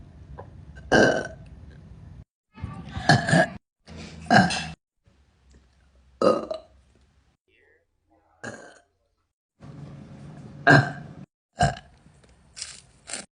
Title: TikTok Girl Burping